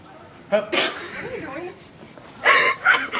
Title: Bad sneeze